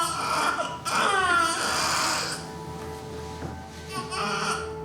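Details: Newborn just delivered in a maternity ward and taken by staff for first checks: brief, strained whimpering moans, partly covered by background music, with staff on alert; newborn moaning.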